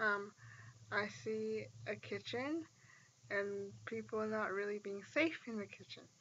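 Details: Sample utterance from a speaker with dysarthria, presented in a dysarthria severity assessment study to show that intelligibility varies between utterances of the same person.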